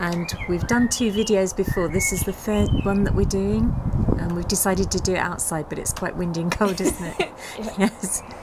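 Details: Adult speaker outdoors; typical speech.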